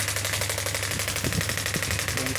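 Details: Biotronix pneumatic radial extracorporeal shockwave therapy (ESWT) device (0.5–10 bar) firing during a demonstration while energy and frequency are adjusted: continuous fast rattle of sharp pneumatic pulses over faint room sound and voice.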